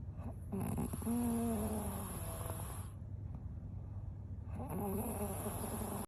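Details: Two long, loud, rattling snores with a pause between, over steady room noise, from a woman sleeping deeply; snoring.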